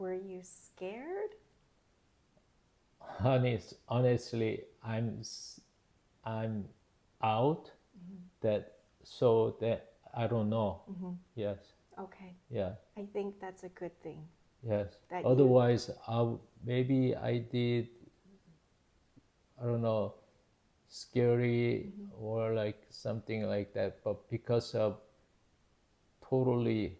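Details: Adult male with Broca's (nonfluent, expressive) aphasia with word-finding difficulty after a left-hemisphere ischemic stroke in September 2023, earlier global aphasia; Broca's aphasia.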